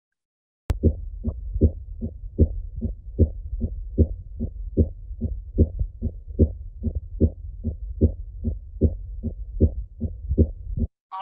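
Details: Normal heart sounds played via a stethoscope in a simulation center demonstration.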